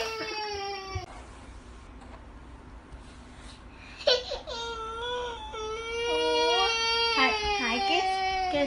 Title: crying baby